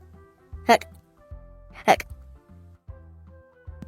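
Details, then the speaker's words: Acted hiccups in a children's phonics story reading, not a real patient: two sharp hiccup-like vocal bursts over background music, character nervous before singing. "Dawn is nervous. Oh no, I can't sing. I have hiccups."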